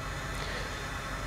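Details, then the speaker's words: Continuous loud rushing airflow with no breath pattern as a Mindray SV800 ventilator delivers high-flow oxygen therapy set to 60 litres per minute; high-flow oxygen airflow. "so let's go with flow we can adjust it just select the parameter adjust the parameter up to 60 liters per minute and then confirm with that button as well"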